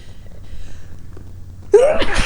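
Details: Sneeze deliberately induced by tickling the nose with basil plant silk, caught in a striped grey handkerchief: quiet room hum, then one sudden forceful sneeze.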